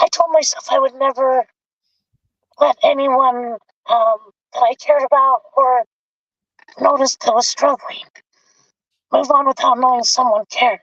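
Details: Adult male with vocal cord paralysis since a severe injury; tracheostomy removed after 2 months; a scope still shows paralysed cords; he has spoken this way for 25+ years.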